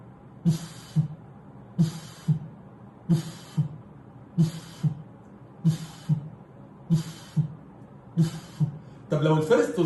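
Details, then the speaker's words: Simulated pansystolic murmur in a teaching auscultation demonstration: a plateau murmur of constant intensity lasting from S1 to S2, superimposed on normal heart sounds. "اول نوع اسمه سست يعني باد من اول الرست بينتهي بالكن بالكن بالكن وبلاتو شدته ثابته من الاول للاخر"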